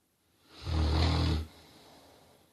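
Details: One deep, low, rumbling snore on an inward breath, then a quiet outward breath; snoring during sleep.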